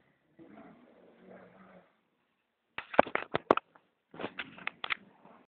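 A soft, rough indrawn breath is followed by loud, rattling, fluttering bursts during breathing, typical of an adult snoring.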